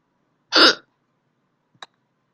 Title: Sexy drunk girl has hiccups